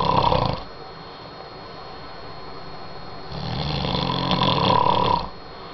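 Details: Snoring: loud, rough, rattling breaths from a sleeping man, with a quieter exhale between them.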